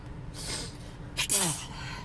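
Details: Allergic attack in a car with many sneezes: a sharp inward gasp followed at once by one explosive sneeze, with steady car noise behind; sneeze.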